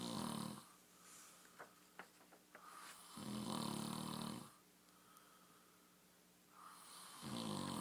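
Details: Man sleeping and snoring: loud, rough, vibrating snores on each inward breath, with quiet pauses between them; ordinary snoring.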